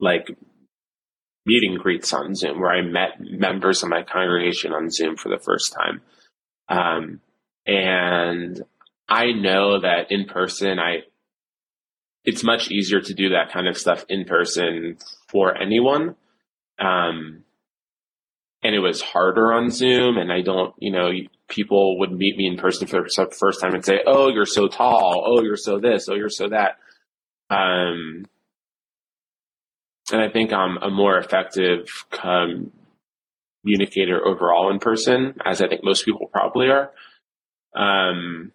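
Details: Stuttering in an adult male cantor with blocks, repetitions and secondary facial behaviours, severe since age seven.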